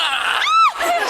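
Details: A single abrupt, high-pitched squeaky hiccup from an adult woman at a wine festival, over crowd chatter and applause.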